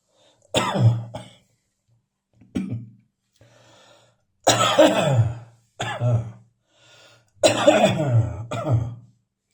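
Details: Repeated harsh, explosive adult coughs in clusters with throat clearing after accidentally inhaling talcum powder: an irritant cough.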